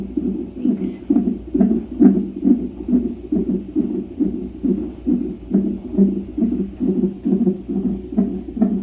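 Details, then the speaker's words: Fetal heartbeat on a monitor during a stress test at 41 weeks of pregnancy: rapid, regular whooshing beats, about 136 a minute, with steady room hum, in the normal range. "her heart rate's kind of scary what slowing down she going back to bed that's her heart rate that's her what is on your belly it's where her heart is"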